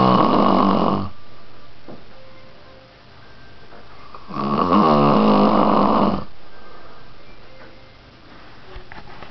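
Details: Two loud, rough, rattling breaths drawn in about four seconds apart, with quieter breathing between: snoring during sleep.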